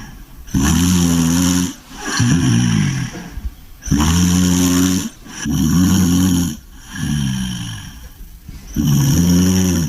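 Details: Sleeping English Bulldog snoring heavily with loud, rattling snores on both in- and out-breaths, about 18 breaths a minute.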